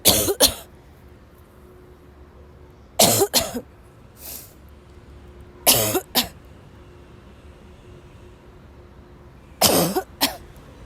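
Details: A sick young woman who woke up ill has a violent dry coughing fit in class and can't stop: harsh paired cough bursts in four clusters, about eight coughs, against quiet room noise.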